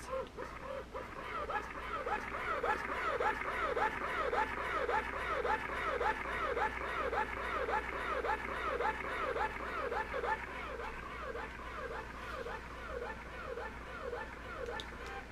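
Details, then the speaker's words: Steady rhythmic mechanical whirring and sucking pulses, about 107 a minute, from a Medela Pump in Style electric double breast pump connected to the breasts and running at maximum speed. "so everything is connected and i'm going to turn it on max speed and you will hear what it's going to sound like when it's connected to your brass"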